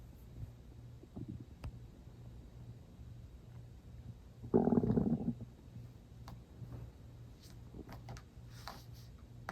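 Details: Stomach growling when not very hungry and having eaten not long before, with water drunk near the end: low gurgles, then a loud growling rumble and small bubbling pops; ordinary borborygmi, normal gut activity.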